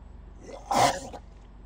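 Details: A crocodile coughing: a single short, husky cough-like burst over a low background hum.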